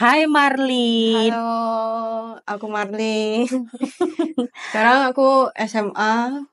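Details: Teenage girl; speech of a cochlear implant user with hearing loss.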